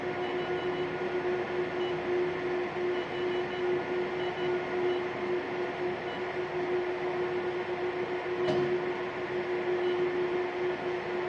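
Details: Steady machine hum with a fan-like whir and one sharp click near the end: a Q-switched Nd:YAG tattoo removal laser machine running.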